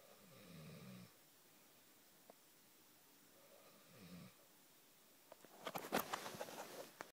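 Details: Two loud, low rattling inspiratory snores about four seconds apart, then rustling; snoring loud enough to keep the listener awake.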